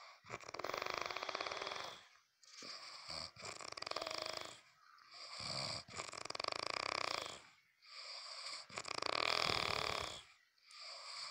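Loud, rattling snores in long bursts, about six in eleven seconds, with short quiet gaps between them; snoring.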